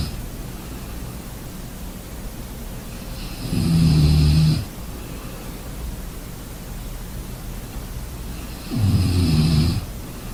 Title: Sleeping sounds Snoring enjoy